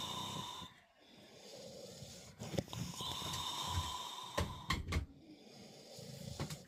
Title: My hubby snoring 😴